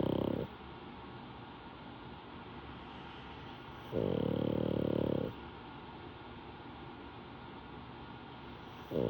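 Loud, rough, rumbling snore bursts, each lasting about a second, separated by a long steady rasping breath; snoring in a flat-faced dog.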